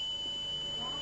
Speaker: l'audiogramme permet aux médecins de déterminer à quelle fréquence se situe l'acouphène et surtout à quoi ressemble ce bruit que personne entend